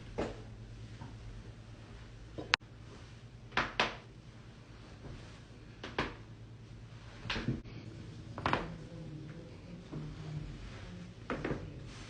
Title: loud back crack and more cracking compilation vol.4